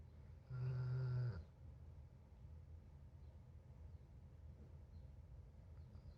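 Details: A sleeping pet gives a single low, buzzing snore lasting about a second, followed by quiet room noise; snoring.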